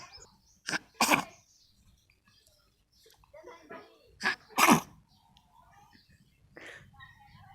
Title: cute baby funny sneezing